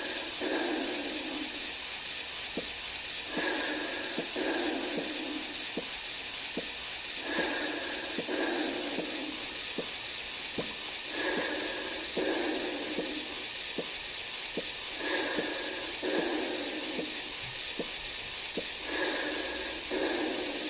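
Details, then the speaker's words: Soft, regular Korotkoff taps, first to last heartbeat, heard by stethoscope during manual blood pressure measurement under a steady hiss of cuff air release, with the patient's slow breathing behind. "you're going to hear air being released from the blood pressure cuff and beyond all of that please listen for the first and last heartbeat"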